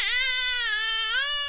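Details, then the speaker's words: Single sustained infant cry, steady and piercing with a high bright tone and slight rise at the end, its energy peaking between 2 and 4 kHz. "But I put them both into a spectrum analyzer this week and they peak in the same place right here between 2 and 4 kHz."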